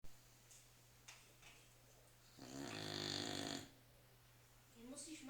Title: STAFFORDSHIRE BULL TERRIER - Chrápání /// STAFFORDSHIRE BULL TERRIER - Snoring